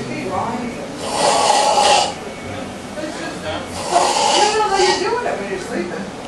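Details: Sleeping person: two loud, harsh, rumbling breaths about two seconds apart, each with a growling rattle like a sick lion's strained roar, quieter breathing between: heavy snoring.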